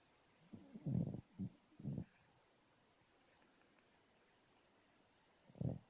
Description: Tubs the rescue cavalier is asleep. How peacefully she slumbers. We can feel the sofa vibrate beneath us as she snores.